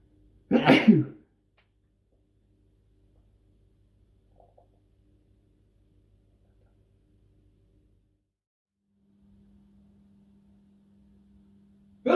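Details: One loud, explosive single sneeze followed by near silence, from a male who says he normally sneezes 3 to 5 times in a row; part of a natural sneeze compilation.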